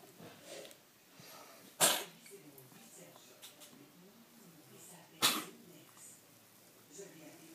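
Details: A cat gives two short, sharp sneezes a few seconds apart against quiet room noise; cat sneezing.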